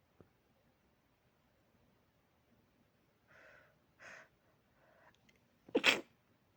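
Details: Person trying to sleep: a few short sharp breaths building up in a quiet room, then one sudden explosive sneeze; sneeze.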